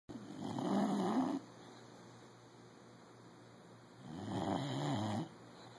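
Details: Sleeping bulldog snoring: two long, low, fluttering snores on the in-breath, a few seconds apart, in a quiet room.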